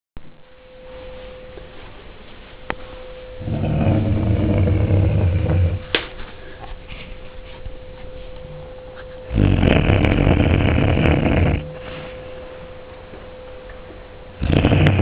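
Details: Sleeping Springer spaniel dog: loud, low rumbling snores in long bursts with quieter breathing between, over a steady background hum; snoring.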